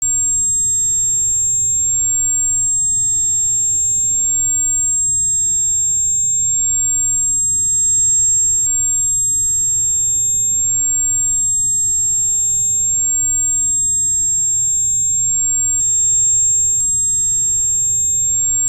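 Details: Simulated tinnitus sound: a steady high-pitched ringing tone over a low hum, presented as the ringing in the ears that people with tinnitus may hear.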